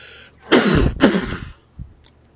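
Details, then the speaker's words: Self-induced sneeze on command, triggered by twirling a thinly rolled tissue in the nose while humming with head tilted back; forceful two-part explosive sneeze with a brief breath after; sneeze. "so i thought i would make another uh video with sneezing got my rolled up tissue need to remember to hum and tilt the head back to help encourage"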